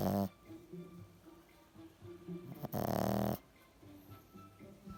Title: Snoring frenchie